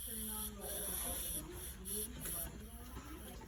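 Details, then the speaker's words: Tracheostomy suctioning on a manikin (nursing skills demo), suction set around 90 within 80–100, catheter inserted to resistance then rotated while withdrawing, 10–20 second passes: steady high suction hiss cutting in and out with low gurgling sweeps. "now I'm going to go in all the way until I feel a resistance and as I'm withdrawing it I'm going to turn it rotate it and start"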